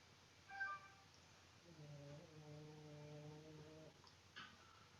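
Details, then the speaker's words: Sleeping dog snoring with a drawn-out, low, whistly, whine-like tonal hum against quiet room noise, heard during an online seated exercise class. "and if anybody's wondering what that sound is it is the sound of my dog eliza snoring because i think you can hear that all right now"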